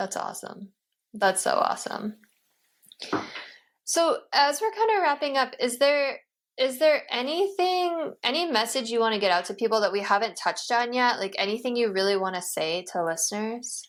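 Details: Adult woman speaking; ordinary speech.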